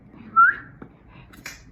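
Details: Short, sudden rising whistle, then a click and another brief whistle: whistling vocal tic in a woman with Tourette syndrome, recorded during a TV interview.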